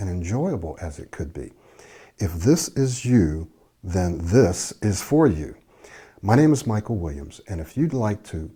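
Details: Adult male speaker; Fluent adult speech.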